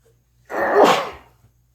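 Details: Single loud, explosive sneeze in a quiet room with faint low hum.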